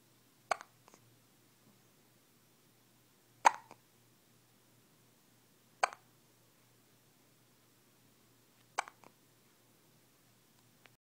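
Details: Newborn with hiccups: four soft, sharp hiccup clicks about every three seconds, around 22 a minute, in a quiet room.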